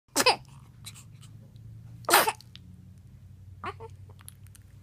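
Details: Sneezing: two sharp explosive sneezes a couple of seconds apart, then a softer third burst, over quiet room noise; the sneezer then looks around.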